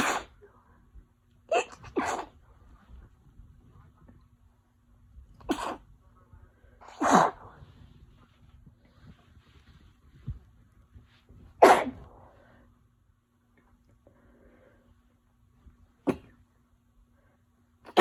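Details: Person with a winter cold, headache since morning and sneezing fits every 10 minutes: about seven sharp, explosive sneezes, some in quick pairs, separated by quiet pauses: repeated sneezing.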